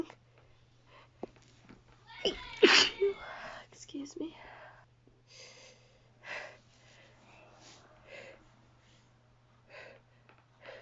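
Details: Several sneezes from an adult woman who says she feels dizzy: stifled ones, let-outs and a failed hold-back, one loud burst among softer ones, steady low room hum.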